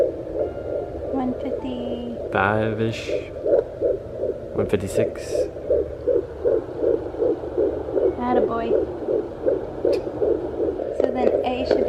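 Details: Twin pregnancy at 11–12 weeks, home Doppler heartbeat monitor on the belly: fast rhythmic whooshing pulses about 158 per minute, broken briefly by voices and probe noise; normal-rate fetal heartbeat.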